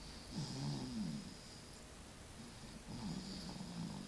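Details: Baby snoring: soft, low rattling snores on two breaths in a quiet room, with a faint steady hiss behind.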